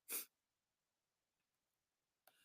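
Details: Adult with a head cold: a single sharp, hissy sneeze, followed by quiet and a faint breath.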